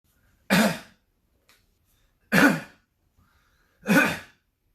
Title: coughing compilation